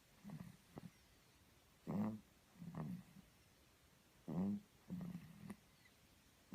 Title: snoring sleeping beauty